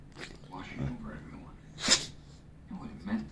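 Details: Sneezing from a female Boxer dog while playing: a sharp, hissing, snort-like burst amid snuffling and soft voices indoors; her nose keeps tickling.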